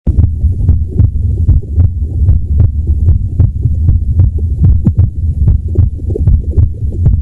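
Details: Heartbeat of a woman in her 30s with MS who is in palliative care and describes her rhythm as irregular: low heart thumps at about 75 a minute with uneven spacing between beats.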